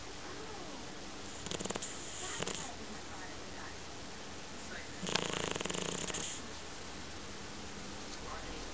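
Two rough, rattling breaths with fluttering vibration over steady background hiss, consistent with snoring.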